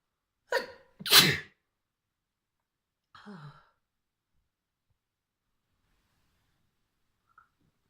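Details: Sneeze induced with a fluffy white feather: a quick catch of breath, one sharp sneeze, then a softer breathy sound, followed by silence.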